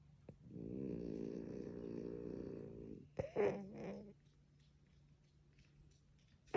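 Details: Long buzzing, vibrating snore on inhalation followed by a shorter snorting breath from a sleeping French Bulldog (flat-faced breed), possibly dreaming; snoring.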